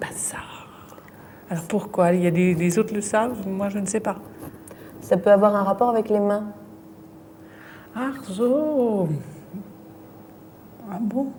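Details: Woman with aphasia from a brain lesion, fluent speech with word substitutions and distorted words while searching for a word in picture description; fluent aphasia with word-finding difficulty and paraphasias.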